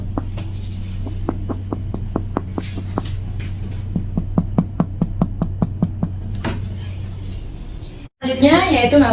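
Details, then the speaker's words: Abdominal percussion on an adult male patient across all four quadrants: about two dozen quick, sharp finger taps over room hum, then brief talk; normal tympany. "Yang pertama yaitu perkusi abdomen dilakukan dua sampai kali pada keempat kuadran abdomen. Normalnya akan terdengar suara timpan."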